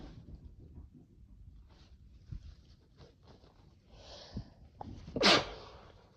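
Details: Sneeze after using chhinkni, a sneeze-inducing powder: quiet breathing and sniffs building to one loud explosive sneeze near the end.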